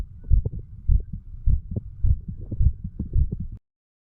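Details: 35-year-old male, standing, recording his own heart through the mitral, tricuspid, pulmonary and aortic areas, then the right ventricle area: regular low thumping heartbeat about 100/min with clear paired sounds; normal heart sounds.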